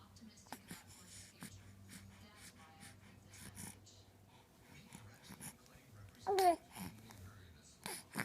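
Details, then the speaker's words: Babbling baby, then a sudden loud burst and a second quick burst near the end; a double sneeze. "Bless you. That was a workout, huh?"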